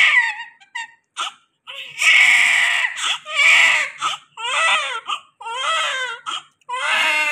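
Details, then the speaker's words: Newborn delivered by C-section crying continuously at night, a high-pitched, wavering cry in repeated bursts with brief gaps, in a small room. "आज night T है साब रोए जा रहे continue रो जा रहे चुप ही नहीं हो रहे पता नहीं कहां से रोता इतना आया भाई कितना रोते हो"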